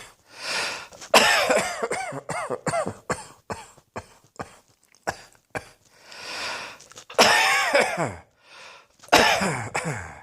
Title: Cross Dressing Coughing 115